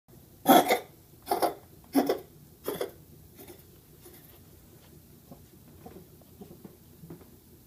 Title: Baxter cough